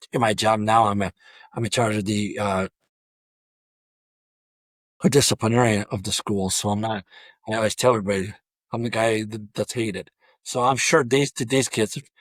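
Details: Adult male high school football coach who has stuttered throughout a career of over 34 years; stuttering.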